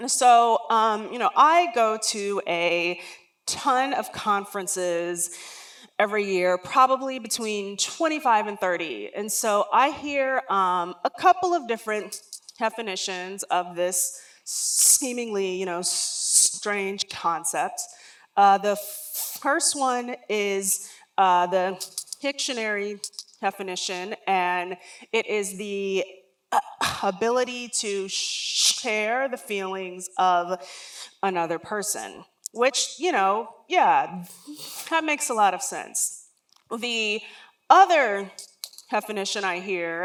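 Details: Adult woman, a lifelong stutterer, speaking during a talk; real, not acted: stuttering.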